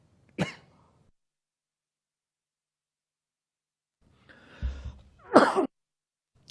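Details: Coughing fit in an adult man speaking at a press briefing, which he attributes to an almond he ate just before: a sharp cough, then after a pause a throat-clear and a forceful cough.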